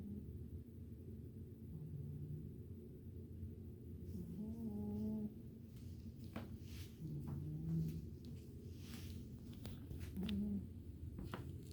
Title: Sleep Snoring Kitty Cat - Milo's Cute Little Noises